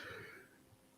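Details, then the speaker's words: Dog that has just started coughing, heard in the background: a single faint, hoarse cough fading quickly into room noise. "now the next one I don't know if you can hear my dog he's just started coughing"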